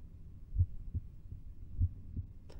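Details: Two slow, clear heartbeats with paired first and second sounds and quiet gaps, no murmur; diaphragm at the left lower sternal edge, patient sitting forward, breath held in expiration, listening for an aortic regurgitation early diastolic murmur; normal heart sounds.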